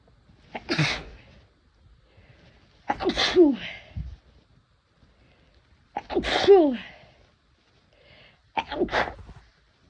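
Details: Four forceful sneezes, each with a sharp in-breath before, in under ten seconds, induced by first-time use of chhinkni sneezing powder; sneezing.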